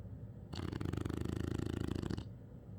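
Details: One low, rattling snore under two seconds with a fast fluttering vibration, in a quiet room; snoring.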